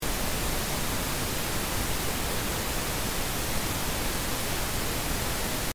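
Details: Masking noise from a hearing aid's tinnitus relief program, used to mask tinnitus.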